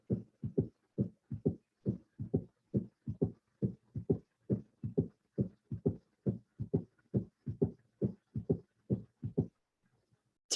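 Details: Third heart sound (S3).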